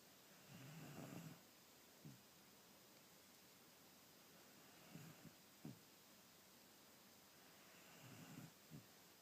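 Soft, rough breathing noises repeat about every four seconds over steady hiss, consistent with quiet snoring.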